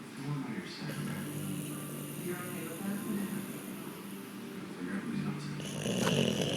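Low, rumbling snoring from a sleeping dog, with steady noisy breathing and faint room sound.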